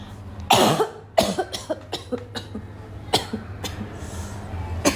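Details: Girl coughs repeatedly in short bursts with throat clearing and snorts between, over a steady low background hum; repeated cough.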